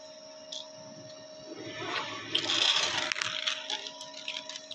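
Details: Newborn male with bronchoconstriction and large airway secretions: wet gurgling, hissing suction as secretions are cleared from the airway; afterwards the baby has a good Apgar score.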